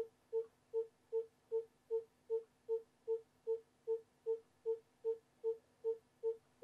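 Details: Simulated fetal heart monitor in an obstetric simulation: regular pulsing beats at about 154 per minute, a normal fetal heart rate.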